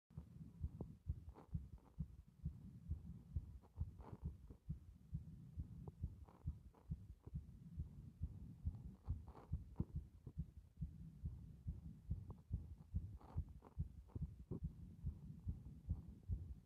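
Repeated low thuds of a heartbeat, fairly fast at about 140 a minute, with some steady low hum in the background.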